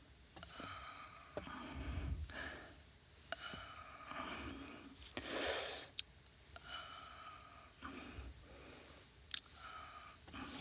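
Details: Adult with nodules on both vocal folds, found on laryngoscopy after painful forceful coughing; whistling sound when breathing or talking; high-pitched whistling voice sound with vocal fold nodules.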